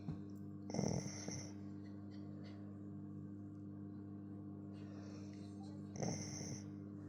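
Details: Beagle puppy snoring while asleep: two loud snoring inspirations about five seconds apart over a steady hum and faint music; ordinary snoring.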